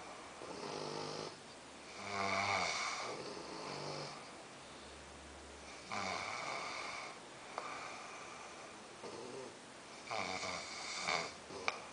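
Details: Two sleepers snoring together, one the softer snorer; loud, rasping snores repeating every few seconds, some with a whistling edge; ordinary snoring.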